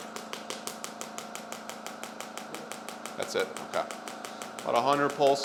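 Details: Shockwave therapy for anterior hip pain (suspected hip capsule/adductor magnus issue) in a man, working internal rotation: rapid even clicking pulses about three per second from the applicator, talking toward the end; shockwave device firing.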